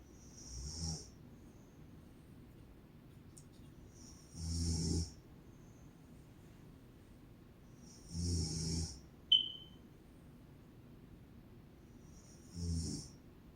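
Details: Sleeping mother snoring: low, rattling snores with a hissy edge roughly every four seconds, quiet pauses between and one brief chirp; snoring.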